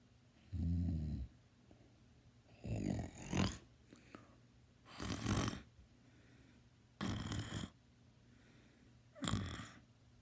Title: Me snoring (LOUD)